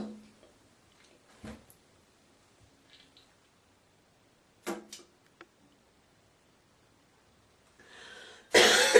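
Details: Girl coughing with a few scattered short coughs and throat-clearing noises in a quiet room, then loud hawking and spitting at the end.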